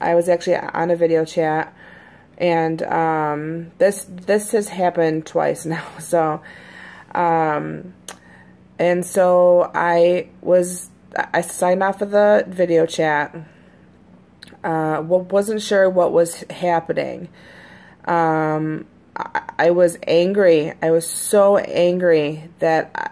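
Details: Adult woman who stutters, usually fairly fluent in her recordings, with the stutter recently more noticeable: stuttering.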